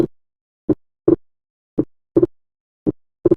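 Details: Slow heart sounds at about 55 a minute, with the second sound splitting into two close clicks on inspiration: physiological splitting of S2.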